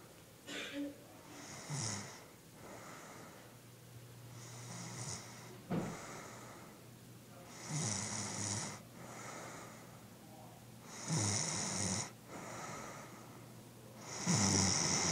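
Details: A sleeping girl snores rhythmically, with a rough fluttering noise on each breath about every three seconds.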